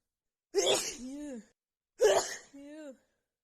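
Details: Female with a head cold and blocked nose, after sniffing a tiny bit of black pepper: two sharp sneezes in quick succession, each a forceful burst with a brief voiced tail.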